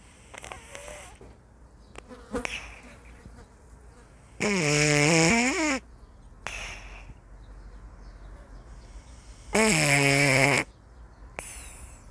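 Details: Cat enjoying a leisurely daytime nap: two long buzzing, rattling snores about five seconds apart with soft nasal breaths between; cat snoring.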